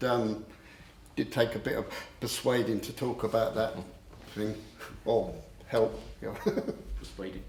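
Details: Adult male who stammers; he reports once swapping words and later using a breathing technique to control it; stammering (stuttering).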